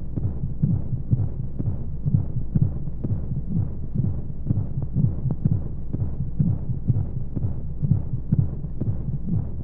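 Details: Womb sound played as a sleep aid for babies: muffled, regular low beats at about 125 a minute under a constant whooshing background of flowing sounds and white noise; a heartbeat as heard in the womb.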